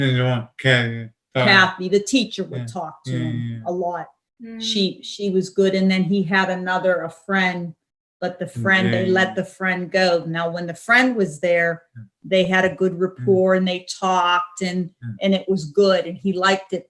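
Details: Adult speaker, likely female; Normal fluent speech.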